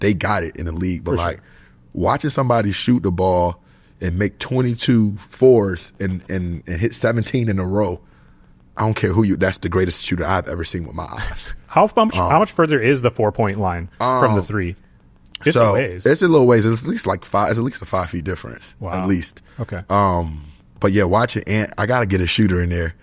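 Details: Adult male who says he stutters sometimes when he talks, even now, and dislikes public speaking; mild word and part-word repetitions audible; stuttering.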